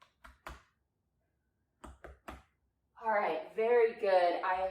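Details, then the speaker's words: Normal chest percussion: examiner strikes knuckles over hand on chest, two short series of soft hollow taps, even and symmetrical on both sides with equal sounds, no abnormalities, then a voice. "no abnormalities everything sounded symmetrical there were equal sounds very good"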